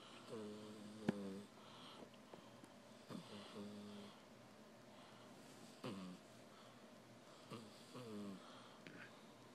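Soft, humanlike snoring noises with each breath, somewhat uneven, with quiet room noise.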